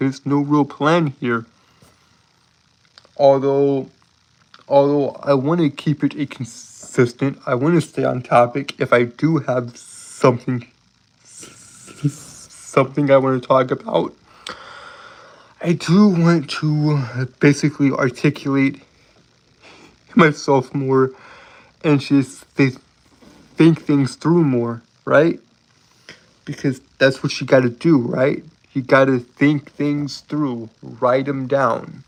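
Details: Stuttering in an adult male streamer who says he has a speech impediment that makes him stutter and trip over his words; finding: stuttering.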